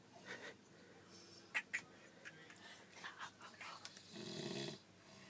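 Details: Irregular noisy breathing with a longer rough snore toward the end, over faint room noise: snoring.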